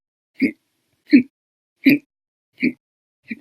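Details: Loud, violent hiccups, five abrupt voiced gulps with sharp clicks at about 80 a minute, in a bout lasting 13 hours 20 minutes after meals and a cup of soda, recorded 9/12/19.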